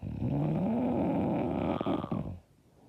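One long, loud, harsh rattling snore on inhalation that ends in silence; heavy snoring.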